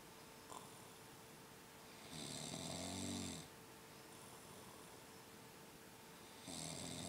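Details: Snoring from a person who fell asleep nearby while someone studied: repeated snores with a buzzing, fluttering tone, each followed by a soft airy exhale, about every four seconds, over faint room hum.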